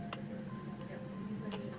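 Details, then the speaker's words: Two brief, sharp clicks while an infant girl bottle feeds with a controlled-flow vented bottle. Her high arched palate and lingual stripping leave a gap between nipple and palate, breaking the seal: clicking during bottle feeding. "that clicking sound is because she has a high arched palette and so when she does have a lot of lingual stripping because of her high arch palette there's a little space between the standard shape of her nipple and her palette so we hear that clicking sound"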